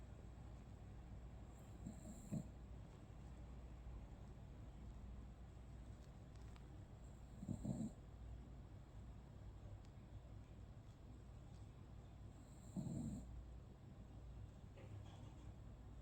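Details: Low snoring snorts roughly every five seconds over a steady low room hum; a pet dog snoring while asleep, possibly tired after walks, snoring described as loud as a grown man's.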